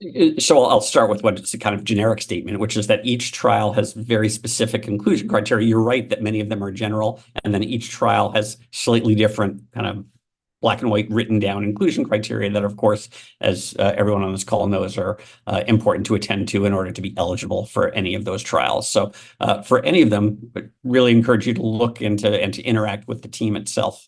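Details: Adult male speaker; normal speech.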